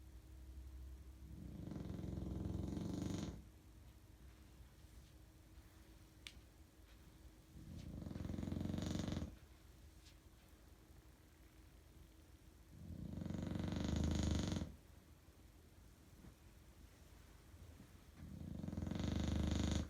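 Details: Bulldog snoring while deeply asleep at 2am: loud, low rattling snores on each breath, about every five to six seconds with quiet pauses between.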